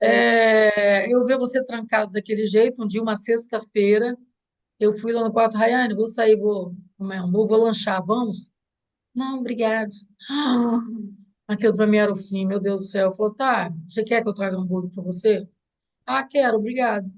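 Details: Adult woman speaking Portuguese; normal speech.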